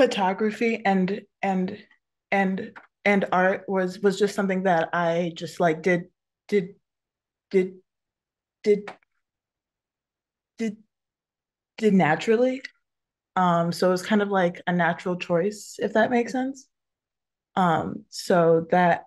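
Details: Adult woman who stutters, speaking with repetitions of words and phrases; stuttering.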